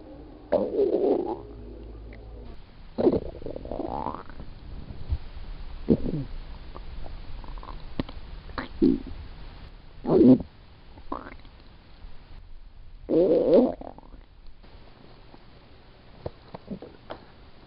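Repeated gurgling, rumbling bursts of varying length; ordinary stomach growling from gas and fluid moving through the gut.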